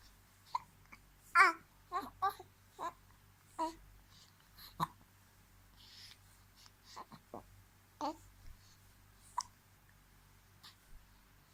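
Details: About 2-month-old baby girl, frequent daily hiccups: short, abrupt hiccup sounds repeat irregularly between soft babbling noises in a quiet room.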